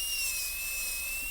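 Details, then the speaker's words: Steady high-pitched whine of a high-speed dental handpiece recutting axial walls to the gingival floor on a soft Kilgore preprepared MOD Class II practice tooth, during a classroom MOD gold onlay preparation demo. "So again, lean the burrow axially and we can recut that wall all the way down to the ginger floor,"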